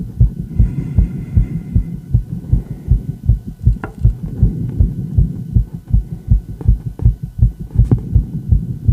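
Fast, regular heartbeat thumps, well above a normal resting rate, consistent with tachycardia.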